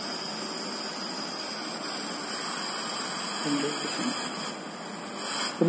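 Steady hissing airflow from a neonatal ventilator running its calibration cycle before connection to a patient; normal machine operation.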